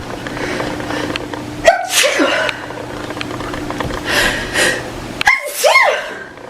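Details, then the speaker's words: Adult woman with about 10 days of congestion and sneezing: several sneezes in quick succession with indrawn breaths between them, a morning sneezing fit she says happens almost every morning. "These sneezes are only in the morning. I think I'm done. Maybe. Okay. That is my morning sneezes of the morning."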